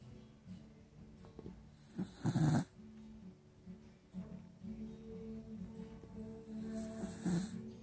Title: Shiloh the beagle dog snoring